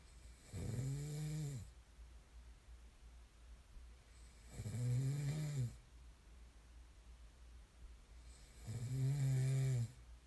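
Three loud, low, rattling snores on the in-breath, about 14 a minute, with quiet pauses between.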